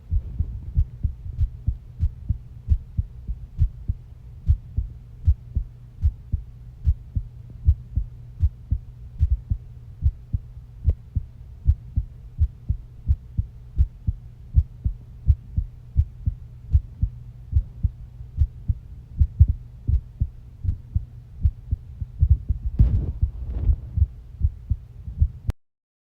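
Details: Normal heart sounds: steady, regular heartbeat through a stethoscope, about 90 beats a minute, with a brief rustle near the end.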